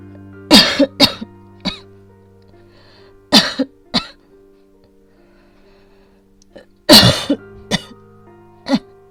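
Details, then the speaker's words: Woman with asthma, feeling an attack coming on in the morning and short of breath, coughing persistently; asthmatic cough. "ちょっとね、今日も発作気味ですね。はい、ちょっと苦しい。"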